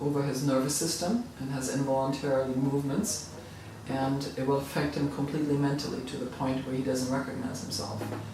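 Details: Adult speaker; ordinary speech.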